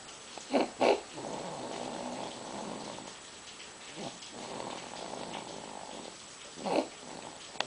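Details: Sleeping baby snoring two minutes after crying hard: soft, long, rattly, purr-like breaths broken by a few brief snorts; infant snoring.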